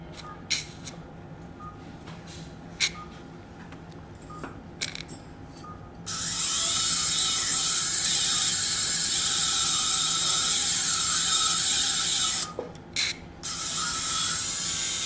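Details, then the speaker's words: Surgical drill: steady high-pitched whine about six seconds between brief clicks and short bursts, drilling ear canal bone to expose the anterior angle during transcanal revision tympanoplasty for severe tympanic membrane lateralization after previous surgeries. "okay I will continue now to elevate the flap of course we need to drill out a little bit more the bone here cuz I cannot control the ENT angle"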